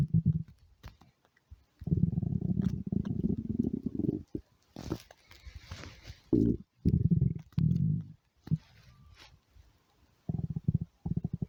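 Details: Hungry stomach growling (borborygmi): bursts of low, buzzing growls and gurgles separated by short pauses.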